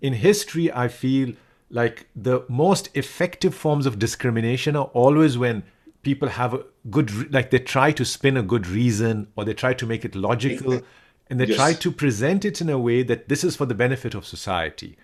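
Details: Adult male speaker; normal speech.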